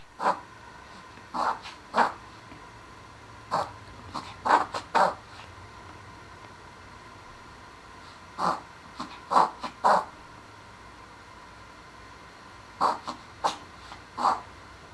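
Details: A dog gives clusters of short, harsh snorting breaths, typical of a reverse sneezing episode.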